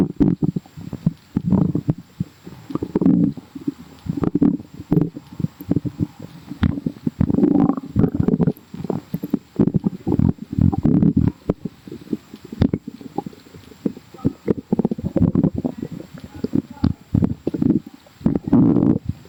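Repeated bubbly, gurgling rumbles from the belly throughout, the ordinary sound of gas and fluid moving through the gut.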